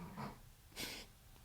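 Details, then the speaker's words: Chihuahua snoring in the background of a quiet room: a low snorting intake followed by a short hissing breath out. "hear the snoring. Got some chihuahua snoring going on Right. in the background."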